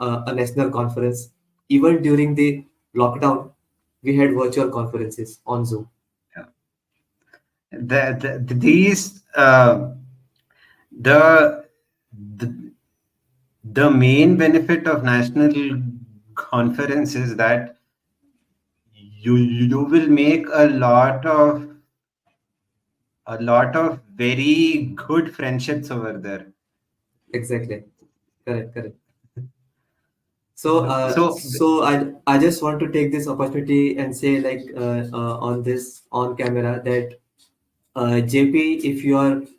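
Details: Real, self-identified stuttering in a male podcast host who stutters and belongs to a stammering association; finding: stuttering.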